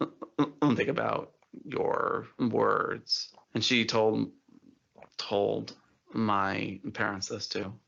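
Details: Adult man who stutters, had speech therapy in school at age eight, and says he never stutters while singing; stuttering.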